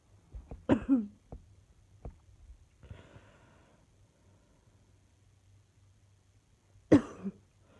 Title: Still got this annoying cough